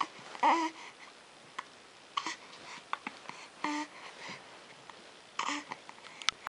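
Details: Baby with hiccups: about four brief, squeaky hiccups over six seconds, with soft babbling between them in a quiet room.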